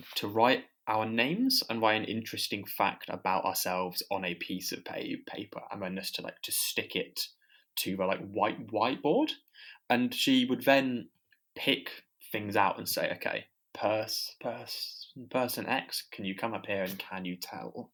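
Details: Adult podcast co-host who stammers, with audible part-word repetitions; stammering.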